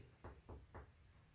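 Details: Three soft, hollow tapping thuds in a quiet room: comparative percussion over the posterior chest, side to side, during a chest examination demonstration, listening for dull or resonant notes.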